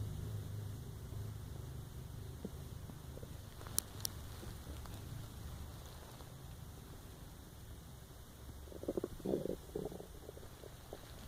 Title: My Empty Stomach Growl ❤